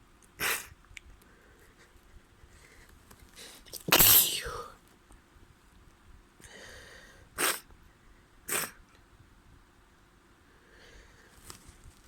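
Several sharp sneezes and longer nose-blowing bursts against a quiet room, typical of sneezing with a head cold.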